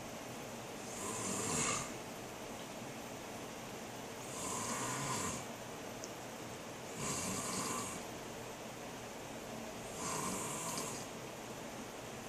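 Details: Regular airy snores on each breath, roughly every three seconds, about 20 a minute, over a steady room hum; a sleeping dad snoring.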